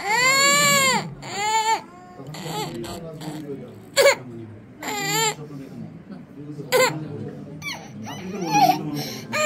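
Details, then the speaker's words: Two-and-a-half-year-old child who has cried excessively since birth, worse in the evening and at night and on waking from sleep, cries and whimpers in repeated bursts with an adult voice nearby; persistent crying. "বাচ্চাটির বয়স আড়াই বছর প্রথম থেকেই খুব কান্নাকাটি করে জন্মের পর থেকেই বাচ্চাটা খুব কান্নাকাটি করে"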